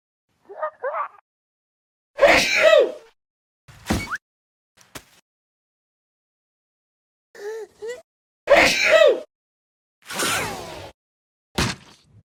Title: Sneezing 2